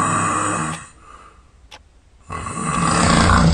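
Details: Molly, sound asleep at night, with loud, rough rumbling snores and a short quiet pause between breaths: heavy snoring.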